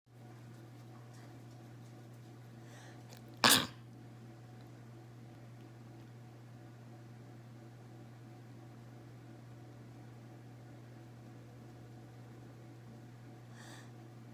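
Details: Induced sneeze from a tickly nose: a single brief sneeze burst against a steady background hum, then quiet.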